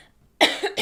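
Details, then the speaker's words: Adult woman during a Parkinson's speech exercise session gives a sudden harsh dry cough trailing into a quick second burst after a brief silence. Cough. "uh oh that was a short one let me get some water must be all the Talking from last week"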